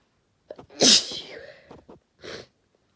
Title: A few induced sneezes and a nose blow (F)